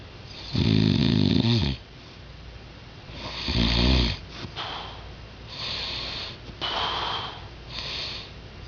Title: my dad snores